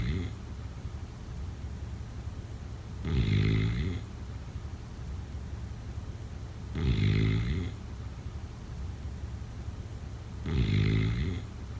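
Three regular rumbling snores on inhalation, about 16 breaths a minute, with steady quiet noise between them.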